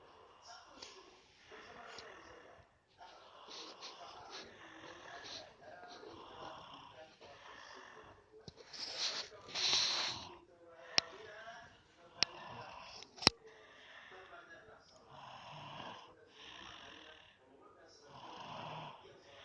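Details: Sleeping person snoring: repeated rough, fluttering noises on each breath in, a louder snort midway and a few sharp clicks; snoring during sleep.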